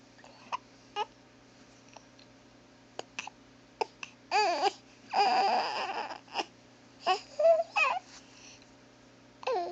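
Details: Baby with hiccups: short, sharp hiccup sounds recur, broken up by brief fussy cries and whimpers; the hiccups later stop.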